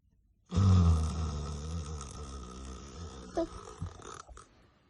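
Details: One long, loud, rattling low snore on the in-breath, fading over a few seconds, from a sleeping father whose son imitates him; snoring.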